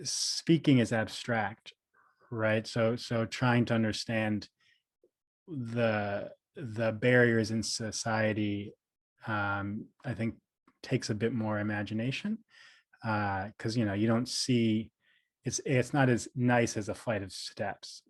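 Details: Stuttering in an adult man, a speech therapist who describes himself as a person who stutters; audible repetitions and fillers; finding: stuttering.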